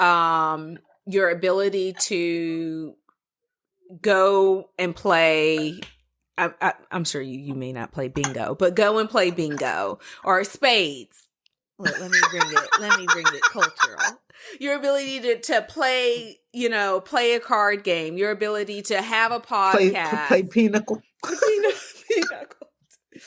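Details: Adult speaker; normal speech.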